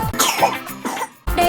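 A few short, harsh acted coughs from an adult over background music: a cough.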